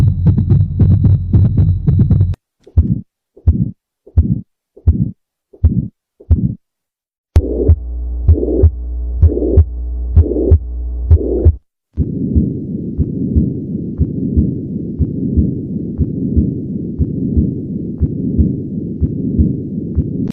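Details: A regular heartbeat at about 64 beats per minute, heard through a stethoscope across several recorded segments; heart sounds.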